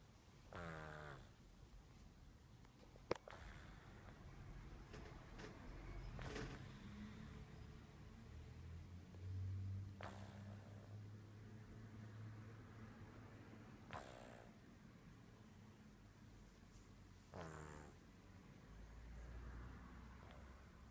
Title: Kitty snores